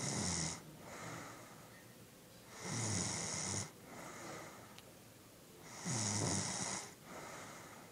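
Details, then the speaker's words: Loud, rough snores on each breath in, roughly 19 a minute, with quieter breaths out between, from a sleeping young woman; ordinary snoring. "you're snoring."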